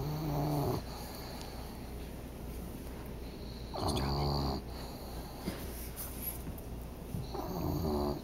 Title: Snoring dog wakes to the smell of food